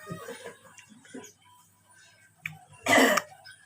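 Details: Dry cough in a person being massaged at pressure points for a dry cough: murmured talk, then a single harsh, dry, unproductive cough without rattle.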